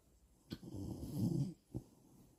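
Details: Sleeping dog snoring: a single low, rumbling snore on an inward breath, ending in a short snort.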